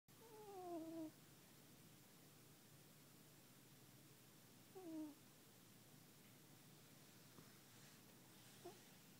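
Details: Extreme close-up of a sleeping cat: quiet, high, whistling squeaks falling in pitch every four to five seconds (about 13 breaths a minute) with faint soft breaths between; snoring.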